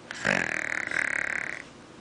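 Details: A sleeping puggle, deeply asleep with its eyes open and teeth showing, gives a single raspy, fluttering snore lasting just over a second.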